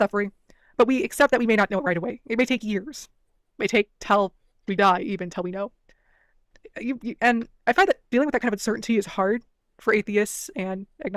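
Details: Adult woman speaking; no speech disorder.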